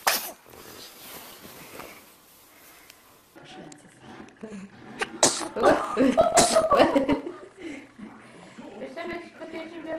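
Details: Infant: a small sharp sneeze followed by adult voices saying bless you and light laughter in a room.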